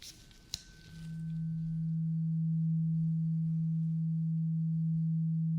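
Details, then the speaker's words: Role-played ASMR ear exam, simulated, for compacted earwax with a clogged feeling and altered hearing: a tap, then a pure, steady low tuning fork tone holding several seconds; the listener says which ear hears it. "Now, I want you to tell me what ear you hear the tuning fork."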